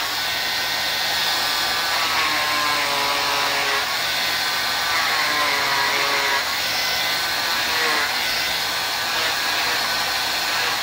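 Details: Steady high whining buzz of an oscillating cast saw, pitch dipping as the blade bites into fiberglass, cutting the top part of a molded fiberglass arm cast for removal.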